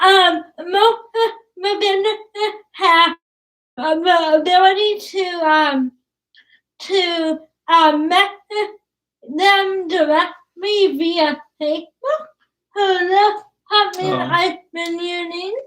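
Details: Dysarthria from cerebral palsy in a young woman about to turn 20 who has trouble with plosives such as p and b.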